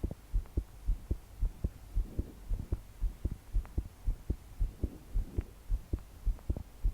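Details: 22-year-old female's pounding heartbeat while trying to fall asleep, body shaking with each beat despite deep breaths: strong, regular low thumps about 110 a minute, soft breathing, heavy rain in background.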